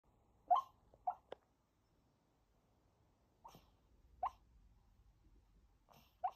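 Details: Sleep vocalization in a sleeping Maltese puppy: short soft yips and huffs, normal sleep talking.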